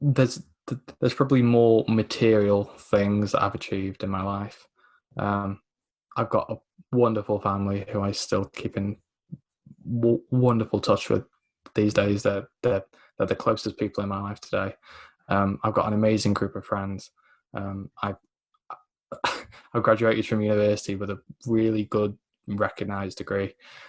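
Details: Stuttering (dysphemia) in a 24-year-old man with a lifelong stammer who attended the McGuire programme at 15 and uses its control techniques.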